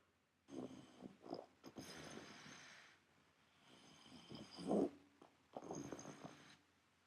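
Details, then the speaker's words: Boy in a mother's home video, shown in a talk on pediatric sleep-disordered breathing: three noisy, rattling, harsh, effortful snoring breaths during sleep, with interrupted sleep noted. "that's snoring, not great breathing. He has some interrupted sleeping as well."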